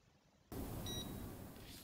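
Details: Single short high beep over background hiss from a handheld Lactate Plus analyser as the test strip draws a finger-prick blood sample by capillary action; resting lactate result 1.0 mmol; lab demonstration.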